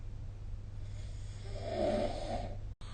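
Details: Snoring recorded with SnoreLab app: single rattling snore on an indrawn breath from a sleeping adult over a low steady hum.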